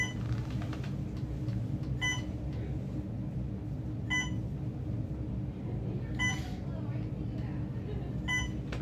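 Short electronic beeps repeating about every two seconds over a low hum of room noise: a hospital machine alarm sounding continuously.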